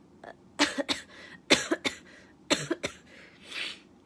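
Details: Adult woman sneezing and coughing: about eight sharp, dry coughs in three quick clusters, then a soft breathy exhale, a coughing fit.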